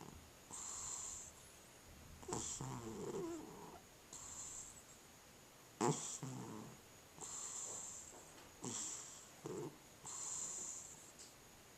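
Soft rhythmic snoring with a whistling nasal tone on each breath, about six breaths in twelve seconds, from a sleeping cat.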